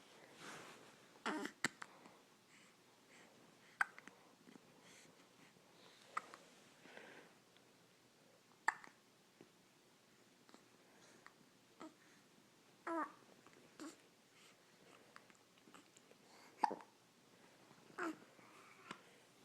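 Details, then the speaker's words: Soft, brief, abrupt hiccups repeating irregularly, about a dozen over twenty seconds in a quiet room, from a girl who seems tired of her hiccups. "I think she's tired of her hiccups."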